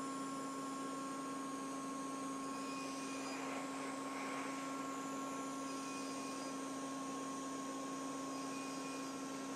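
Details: An Edge 1 CO2 laser used by trained professionals in a live educational demo on the face, nose and ears gives a steady machine hum with airy whooshing; CO2 laser skin resurfacing.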